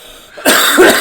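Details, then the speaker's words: An adult who is still ill and coughing gives two harsh, explosive coughs in quick succession after a brief quiet moment. "As you can hear, we're still coughing and hacking and all that good stuff."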